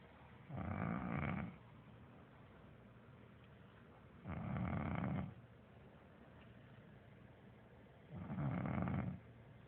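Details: Deep, low, fluttering, fart-like snores, one with each breath, about 16 a minute, with quiet pauses between. Snoring.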